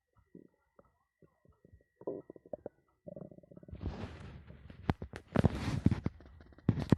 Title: Very nuts stomach growling